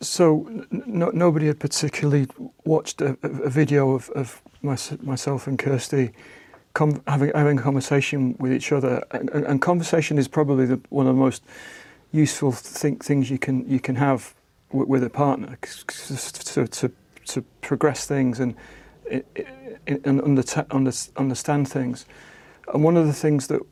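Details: Aphasia in an adult man following a stroke about a year ago, with facial freezing from the stroke; attended a conversation therapy group.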